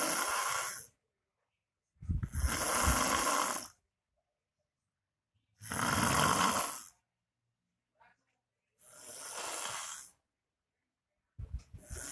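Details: Man sleeping on the tiled floor snoring very loudly: harsh snores roughly every three seconds, about 19 a minute, separated by silent pauses.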